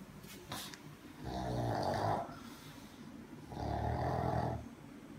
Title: pug sleeping dreaming snoring !!!